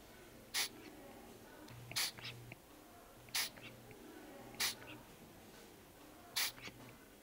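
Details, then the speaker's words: Short, sharp hisses of air escaping from the pressure release valve, about five in seven seconds, as the newborn resuscitation bag is sealed with the palm and squeezed during an equipment check. "vous devez sentir de la pression sur votre main voir le ballonnet se regonfler et entendre l'air s'échapper de la valve de détente"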